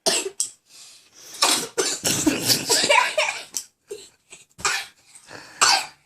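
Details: Person who can't stop coughing while drawing: repeated harsh coughs in a continuous run, with brief gasping breaths between bursts, a coughing fit.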